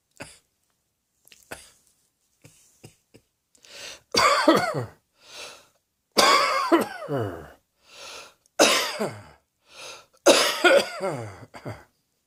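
Four loud harsh coughs, each followed by softer breaths and short throat sounds, in a quiet room.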